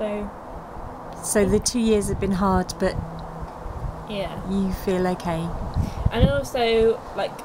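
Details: Adult speaker; typical speech.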